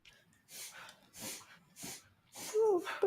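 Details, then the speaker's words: A dog makes rapid, repeated snorting inward gasps that sound like choking; the owner says it is harmless and the palate flips; reverse sneezing. "one of my dogs has decided to uh do the reverse sneeze oh okay yeah yeah is that what I think it is know that I know what that is it's uh when they're it's it's not dangerous but it sounds like they're choking it's basically their pallet flips"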